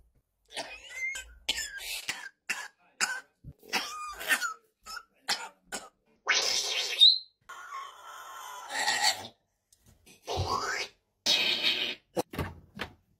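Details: A pet parrot imitates a man's cough: series of short, harsh cough-like bursts with whistle-like calls between.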